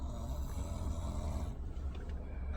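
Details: Boy snoring during sleep, with a parent remarking that snoring is said to be bad: low, rumbling breathing noise.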